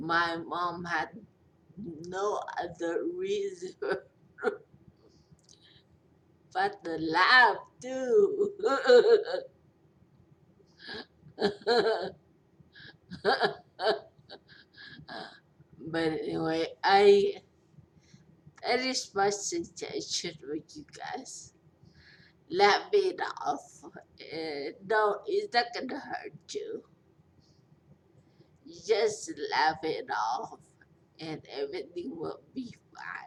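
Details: Speech impairment after stroke in a 43-year-old woman after a major stroke with a long recovery.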